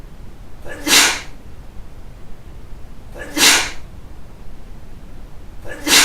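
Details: Three sharp hissing bursts about two and a half seconds apart against a quiet background; a run of sneezes.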